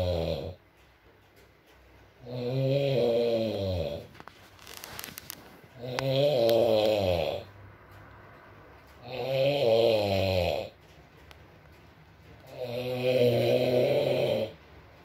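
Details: ASMR recording of a sleeping man (boyfriend) snoring: four loud rumbling snores at regular intervals, about 17 a minute, quiet breaths between, steady rain in background; ordinary snoring.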